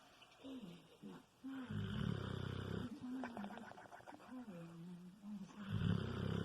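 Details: Kilo the Bulldog snoring while asleep: buzzy, rumbling snores with fluttering, puffing lip-flapping sounds from loose lips.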